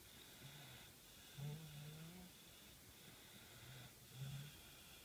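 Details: Sleeping adult man napping face down makes low, rattling snores on each breath, about three in five seconds, over a steady background hiss; snoring.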